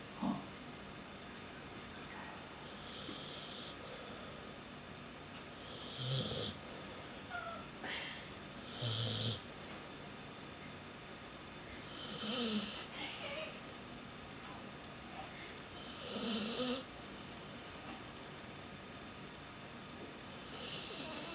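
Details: A person sleeping after Christmas partying, snoring: soft snores with a snorting, rattly edge on each breath about every three to four seconds, in a quiet room.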